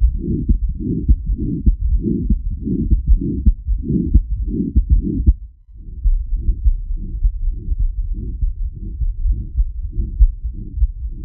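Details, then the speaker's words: Aortic stenosis in a real patient, heard at the aortic area (right upper sternal border): regular beats at about 100 a minute, each with a whooshing crescendo-decrescendo ejection systolic murmur, usually radiating to the carotids. "the murmur in aortic stenosis is classically loudest in the aortic area located at the right upper sternal border of the chest although it is often heard across the precordium as well it usually radiates to the cotted arteries"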